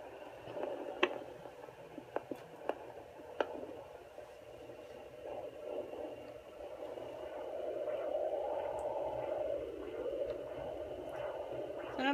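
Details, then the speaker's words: Home Sonoline B fetal Doppler on a plus-size mother at 9 weeks 4 days, lying propped on pillows. Steady windy whooshing swells midway as the probe passes over abdominal veins: maternal vessel swishing. "you do have veins on both sides of your abdomen and when you have the Doppler over them it makes a swishing noise let me see if I can find them"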